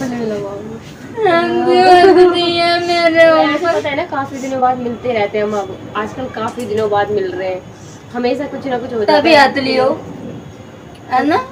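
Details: Adult speaking Hindi; conversational speech.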